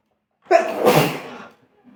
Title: Small fart And sneezing 2